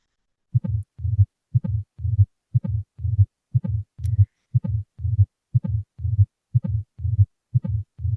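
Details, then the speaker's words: Teaching demonstration of a diastolic murmur from tricuspid stenosis, a narrowed right-sided valve: regular heartbeat at 60 a minute, each beat followed by a low rumbling murmur filling diastole, heard faint. "Baik, sekarang diastolik murmur karena trikuspidal stenosis. Adik-adik diperhatikan ya, karena yang trikuspidal itu ada di sebelah kanan, biasanya suaranya agak jauh lebih nyaring."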